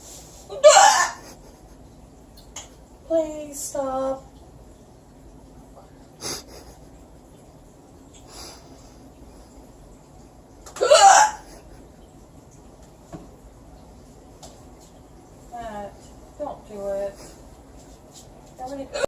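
Loud, abrupt voiced hiccups, about seven in twenty seconds, separated by quiet room noise.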